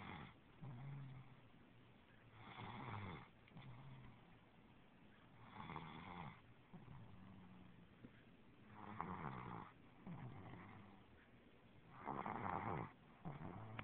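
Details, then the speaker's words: A girl, asleep after fried chicken before reaching her bed: rough, rattling snores on the in-breath, about 19 a minute, with quiet pauses between; snoring. "She just had some fried chicken and didn't even make it to her bed. Itis knocked her out. Sounds just like her mother."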